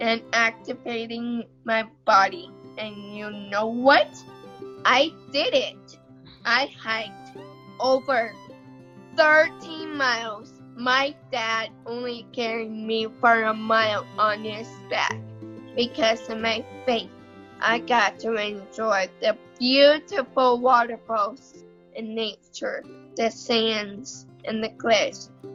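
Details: 16-year-old girl with cerebral palsy, family described as having a neurodegenerative disease; she says her muscles make her body hard to work and she had to learn to talk; dysarthria in cerebral palsy.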